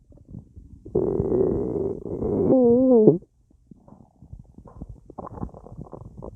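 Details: Full, bloated belly with a lot of gas after a large meal with a drink: a long loud gurgling rumble rising into a squeal, then softer bubbling pops (borborygmi).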